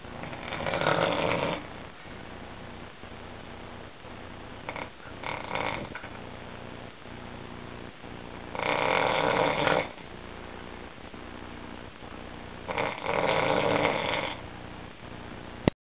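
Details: Snoring: rattling snores on breaths roughly every four seconds, about 15 a minute, with quiet pauses between.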